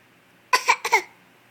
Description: Silly boy coughs on demand